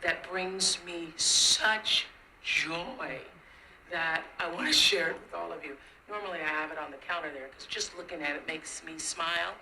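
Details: Woman with dysphonia judged by a speech pathologist to be due to being clearly sick; the voice is pitched a little higher than her normal voice, and the clip was possibly recorded very early in the morning.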